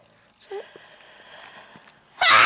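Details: A 3-month-old baby boy makes a brief soft vocal sound while being talked to after a big yawn, then a sudden loud, explosive sneeze bursts out that takes him by surprise.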